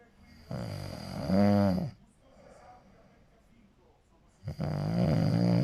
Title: snoring really hard 😭😭